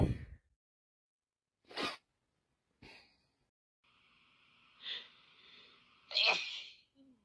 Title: My boss and me sneezing tonight both full of flu either me or her sneezing and one point